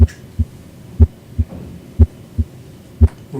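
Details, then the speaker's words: Cardiac exam of an adult male patient lying back, stethoscope switched to the bell for low-pitched sounds such as S3 or S4: regular low lub-dub at about 60 beats a minute; normal heart sounds. "and i'm going to listen in the four primary areas the aortic area or second right intercostal space the pulmonary era or second left intercostal space the tricuspid area or lower left sternal border the left ventricular apical area"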